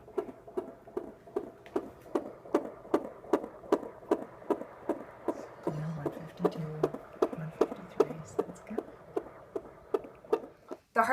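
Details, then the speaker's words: Fetal heartbeat at a 30-week OB appointment, mother with type 1 diabetes: rapid, regular Doppler whooshing about 140 to 150 a minute, judged normal and healthy, with faint movement noise from a very active baby. "so we did get a little recording of the heartbeat at the OB appointment and I will insert just a little clip of that right here"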